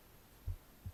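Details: Two soft low thumps, lub and dub, over a faint hum, a heartbeat recorded on the left side of the chest. Normal heartbeat.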